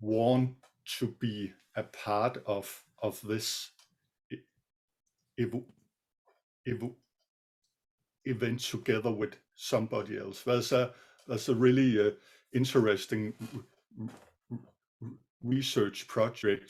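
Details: Adult male co-presenter who says he sometimes stutters; stuttering.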